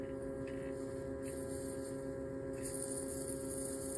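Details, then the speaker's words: AMO Signature WhiteStar phacoemulsification machine in phaco mode, vacuum check with the tubing pinched off so vacuum builds up to the preset value: steady low electrical hum, faint tonal drone and soft hiss rising near the end. "we pinch it off you can see how the vacuum builds up here's the preset value and then this is what it climbs up to"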